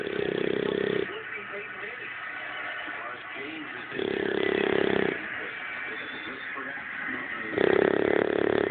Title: Bulldog snoring